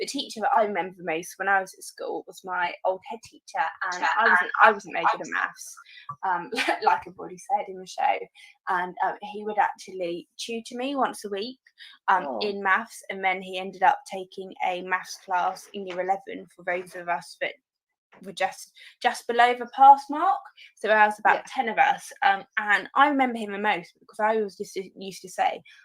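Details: Adult woman speaking; normal speech.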